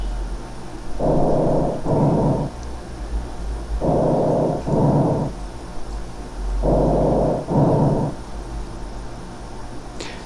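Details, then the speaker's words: Harsh breathing on auscultation over apices, mid-lung (hilar region) and bases: rough, dry, loud, grainy inspiration and expiration from turbulence in congested, irregular medium or small airways; abnormal where flow should be laminar. "entonces se puede generar nuevamente turbulencia y a eso le llamamos respiración ruda que la percibimos en los ápex en la región pulmonar media la región pulmonar media es alrededor de los hilos y las bases pulmonares y suena más o menos así"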